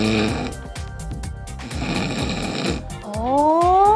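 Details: Regular snoring without apnea (imitated).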